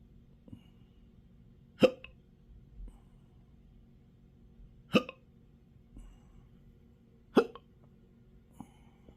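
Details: Chronic intractable hiccups with belching and choking spasms since December 2015, occurring in 12-hour episodes, with developing achalasia: sharp, sudden catching sounds with small follow-on gulps, three strong and some fainter over nine seconds.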